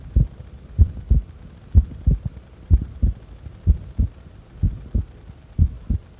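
Steady low lub-dub heartbeats at about 62 beats a minute with no breath noise, a regular normal rhythm heard during breath-holding.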